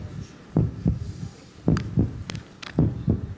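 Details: Slow, fairly regular low thumps at about 54 a minute with faint voices, as a man returns to a normal pulse after a televised demonstration of voluntarily changing his heart rate; heartbeat.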